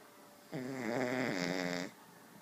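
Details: Dog asleep on a couch snoring: a single drawn-out, buzzing snore on an in-breath, about one and a half seconds long.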